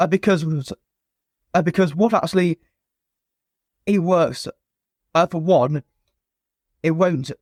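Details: Stuttering (stammer) present since a young age in an adult man, a former soldier, in spontaneous conversational speech.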